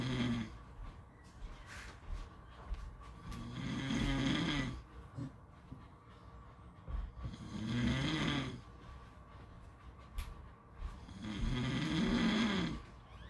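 Loud rumbling snores on each breath in, about 15 a minute, with quieter breathing between.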